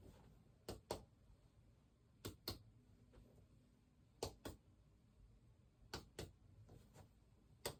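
Five pairs of sharp, hollow double taps at spot after spot on the back, each giving a resonant note with no dullness: normal lung resonance.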